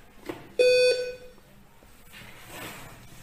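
One clear steady electronic beep from a bedside patient monitor in a quiet room.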